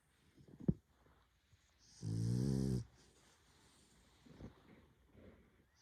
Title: Franch bulldog Snoring खराटे लेता हुआ कुत्ता